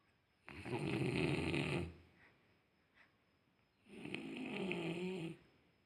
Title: Listening snoring first time.